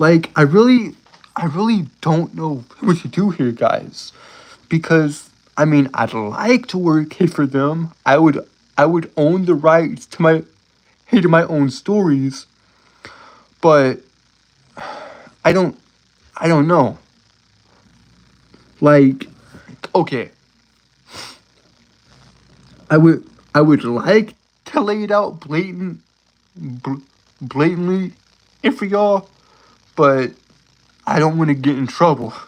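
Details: Adult male live-streamer with a self-reported speech impediment who stutters a lot, with word repetitions: stuttering.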